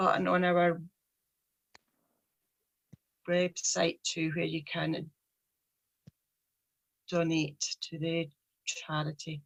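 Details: Stuttering (stammering) in a 43-year-old woman with a speech problem since age three.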